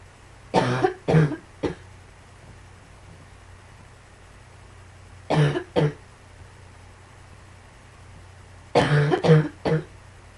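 Three bouts of coughing, eight coughs in all, in short clusters of two or three with quiet pauses between.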